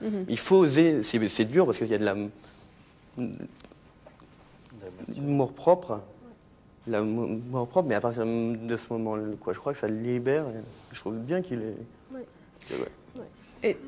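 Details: Adult French-speaking man who stutters and says it has improved today; stuttering.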